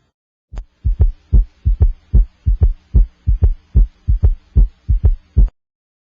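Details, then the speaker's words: Heart at the apex with an electronic stethoscope while the patient breathes out and holds the breath: regular lub-dub at about 75 a minute with no S4 before S1 and no S3 after S2. Normal heart sounds, no gallop. "I cannot hear an S4 Galaxy 4s1 and I do not hear an S three Gallop after S2 breathe okay"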